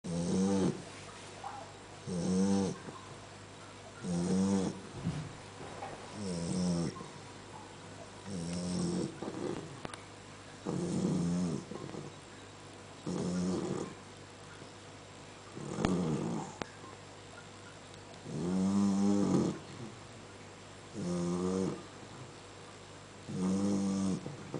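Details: Loud, rhythmic buzzing snores, about 27 breaths a minute, from a sleeping one-month-old Great Dane puppy; snoring.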